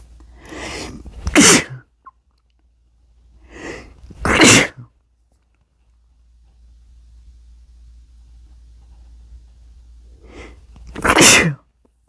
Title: induced sneezing (m)